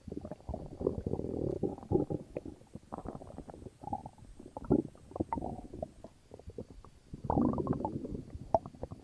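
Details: Loud, frequent gurgling and rumbling bowel sounds (borborygmi) from an upset stomach.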